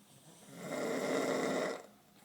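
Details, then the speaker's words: Snoring from a sleeping young woman on her 21st birthday, around noon: a single long, loud, rough rattling snore on the in-breath, lasting over a second; loud enough that the walls seem to vibrate. "Walls are vibrating. Michael, he sleeps quietly. I don't know how he sleeps through this. She's a bear. Sounds like a bear."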